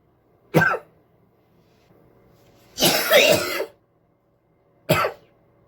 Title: cough cough cough cough cough cough and spit 😒